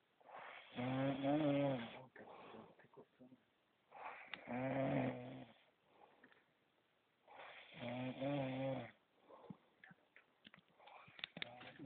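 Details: Snoring during sleep: loud, rattling, buzzy snores on each in-breath, roughly 17 a minute, with quiet exhalations between; snoring.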